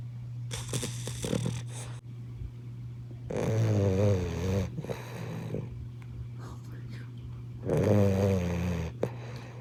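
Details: Sleeping boxer puppies napping: slow, rough, rattling breaths every few seconds over a steady room hum; snoring.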